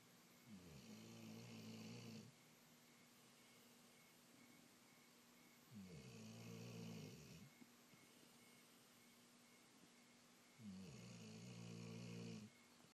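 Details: Dog snoring: three long, low, rattling snores about five seconds apart, roughly 14 breaths a minute, with quiet room noise between; snoring.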